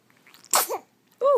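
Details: Sneeze from a young child: a single sharp, small sneeze burst, followed by a brief voiced sound; one sneeze.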